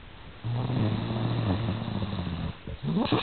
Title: *Snoring Z zzz